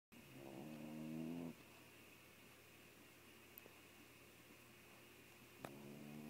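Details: Loud, chainsaw-like snoring in the morning from a pet sleeping with its head in its owner's lap; the owner first suspected someone else.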